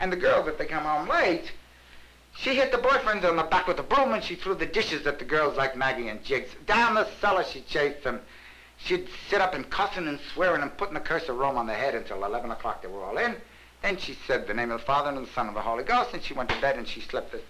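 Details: Real talkative, excited hypomanic man with psychomotor activity typical of mania and denial of depression, in a 1967 psychiatric diagnostic interview; pressured speech.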